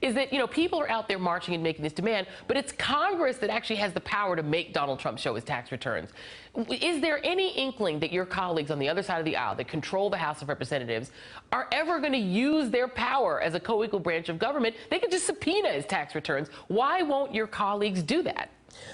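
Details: Adult woman speaking; normal speech.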